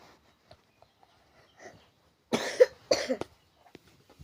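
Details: Child coughing, which the speaker blames on eating ice, cold drinks and sweets: two quick, harsh coughs with a few faint sounds before and after.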